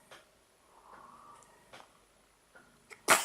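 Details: A baby makes soft small sounds in a quiet room, then one short, sudden sneeze at the end, recorded 4 November 2012; sneezing.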